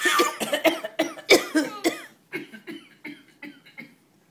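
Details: Adult coughing on command: a rapid series of short, deliberate coughs; a voluntary fake cough.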